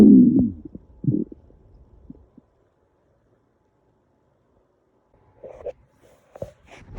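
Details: Stomach growling of a person described as really hungry: a low gurgling rumble, then quieter fading gurgles; ordinary borborygmi.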